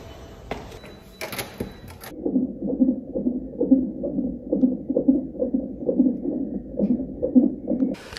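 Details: After brief handling noise, rhythmic whooshing fetal heartbeat, about 130 a minute, on the monitor during a 37-week non-stress test in an IVF pregnancy; normal fetal heart rate.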